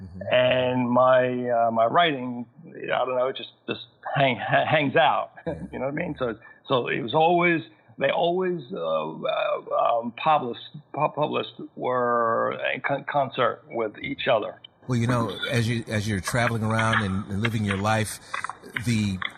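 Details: Man who had a massive stroke at age 41 causing global aphasia; thirteen years later still has aphasia, needing more time to process sentences and find words; aphasia.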